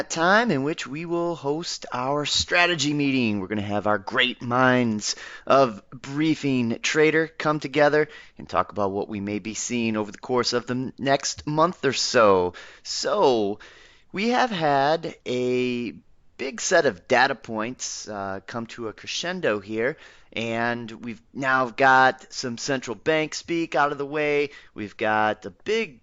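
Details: Adult male speaker; normal voice.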